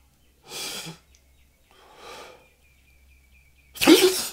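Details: A person with hay fever: two hissing in-breaths build up, then one loud, explosive sneeze.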